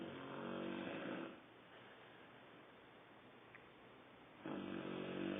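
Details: 4-month-2-week-old: two loud, buzzing snoring breaths separated by a quiet pause, on a muffled recording; snoring.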